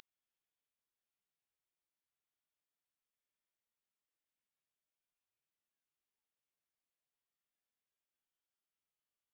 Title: HEARING TEST | How Old Are Your Ears ?